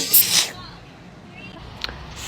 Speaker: first one was a sneeze that went away and pissed me off second one had to charge up